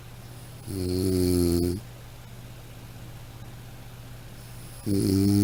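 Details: Sound-effect recording of snoring: two loud rattling snores on breathing in, separated by quiet breathing out.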